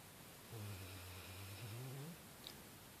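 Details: Female Labrador retriever snoring loudly: one long, low rumbling snore lasting about one and a half seconds, rising slightly in pitch at the end, over quiet room noise.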